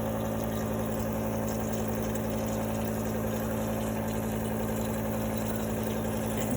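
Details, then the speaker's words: Home nebulizer compressor running with about 8–10 mL of 60% ethyl alcohol in the cup to make a mist for sterilizing surfaces; a steady mechanical hum with a fast pulsing drone as mist flows out. "you plug the machine in already and then you place the bottom hole there and it's all connected and you turn on your machine now watch as it creates a mist that mist is flowing"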